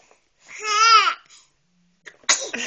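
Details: Infant sneezing while being talked to: a brief voiced cry-like sound, then a sharp noisy burst typical of a small infant sneeze.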